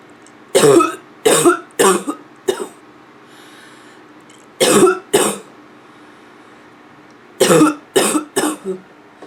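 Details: Adult, labelled (f), with a nonstop barking cough: about ten harsh barking coughs in bursts of two to four, ending with softer throat clearing.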